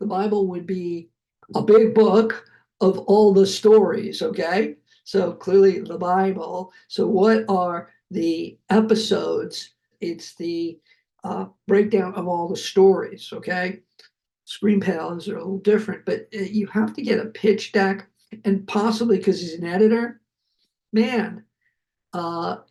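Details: Adult man who survived a heart attack and has aphasia, speaking spontaneously; aphasia.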